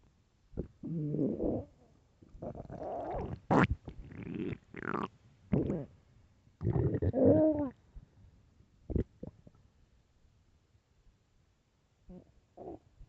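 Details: Late-night stomach growling; quiet irregular gurgles and rumbling growls with some rising squeaks, separated by pauses.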